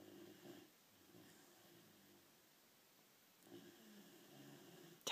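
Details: Two soft, nasal, wheezy snores a few seconds apart in a quiet room from a sleeping female dog; snoring.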